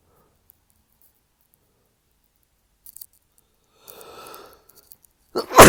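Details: Male with cold-morning sneezing fits every 30–60 minutes after waking: in a quiet room, a soft drawn-in breath, then a muffled, held-back stifled sneeze at the end.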